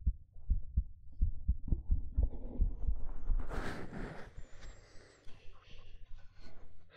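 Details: ASMR binaural (3DIO) recording: soft, regular heartbeat at roughly 80 to 90 a minute with fabric rustling and movement noise during a hug; normal heartbeat.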